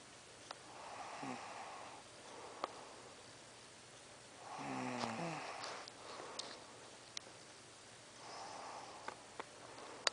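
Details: Soft, snorting snores with each breath, about six breaths a minute, with a few faint clicks in a quiet room: ordinary snoring.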